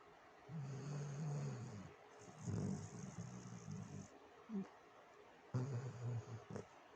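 Low rumbling snores with each breath, three in about seven seconds, from a sleeping dog.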